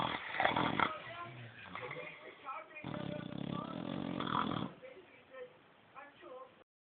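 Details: A 6-month-old female Shar Pei dog sleeping on the couch: rough, rattling breaths in and out with snorting vibration; snoring.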